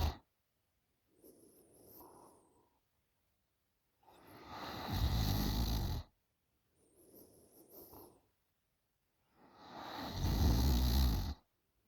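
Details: 20-year-old girl snoring loudly in sleep: rough snores on each in-breath with quieter out-breaths, about 11 breaths a minute, regular sleep breathing.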